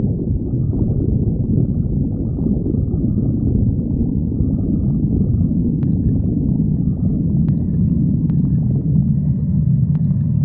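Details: Continuous low, deep rumbling and gurgling with a few faint clicks throughout, from gas and fluid moving through the gut: stomach growling (borborygmi).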